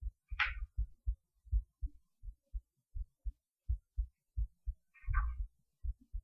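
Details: Heartbeat recorded through a cheap acoustic stethoscope; low, regular thumps roughly 80 a minute with a couple of brief rubbing noises.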